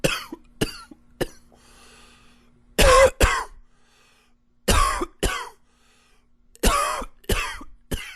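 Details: Adult coughing repeatedly in short bursts, with a few stronger paired coughs and pauses between.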